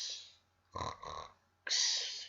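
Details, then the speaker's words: A schoolchild in a grade 3 vocabulary lesson acts out snoring: a hissy breath, a rough snorting grunt, then a loud hissing exhale, with quiet room noise; imitated snoring. "This is what we mean by snore. So when we make a sound like this, it means what? Snore."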